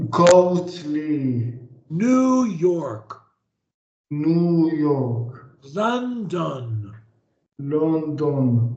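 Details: 26-year-old man, stuttering since age three to four, severity level 100%, stuttering on most words, repeating words in a therapy session; severe stuttering.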